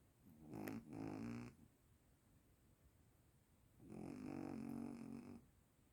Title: snoring like a human 😴 🙄